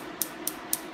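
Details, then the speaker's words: Laser tattoo removal treatment on a male patient, breaking up ink for the body to reabsorb: three sharp, evenly spaced snapping pops of laser pulses over steady room noise. "so we break it up with the laser and then the body goes and reabsorbs the ink fragments over the course of the next week or so"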